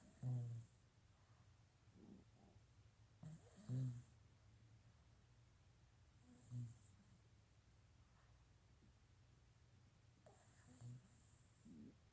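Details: A pug puppy snores and dreams during an after-lunch nap: soft, irregular, low snorting snores, about four in twelve seconds, over quiet room noise.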